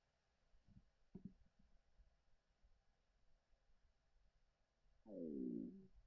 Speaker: oh sorry did you hear that was my stomach